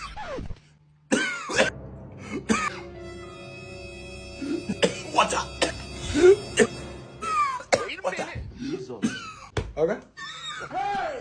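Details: Simulated coughing in an acted comedy skit: an adult man has coughing fits and clears his throat, with strained, moaning vocal sounds over background music.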